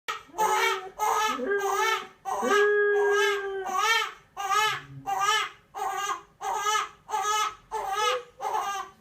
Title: Little baby crying 😭😂 and dog save baby #foryou #funny #funnyvideo #funnyanimalzone